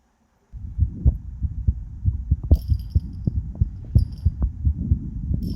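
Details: Quiet heartbeat recording with no talking: steady, regular, low thumps at roughly 70–80 beats per minute with faint clicks over the top; normal heartbeat.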